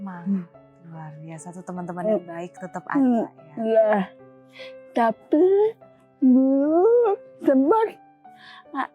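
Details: Young woman with cerebral palsy from birth; walked after age two and hospital said not polio; speaking was also hard; dysarthria.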